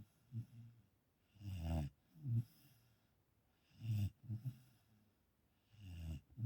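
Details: Dog snoring, startling its owner: low, rumbling snorts with each breath, irregular in timing, in a quiet room; snoring.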